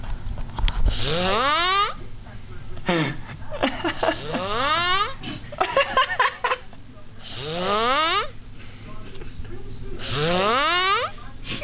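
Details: Loud snores from a sleeping adult man that rise sharply in pitch into whistling, squealing tones, repeating every few seconds; unusually noisy, high-pitched snoring.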